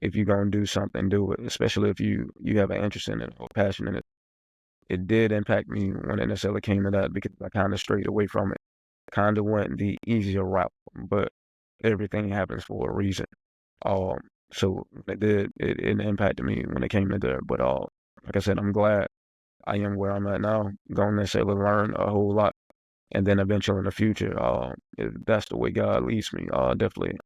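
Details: Adult man who stutters, speaking on a podcast about stuttering; stuttering.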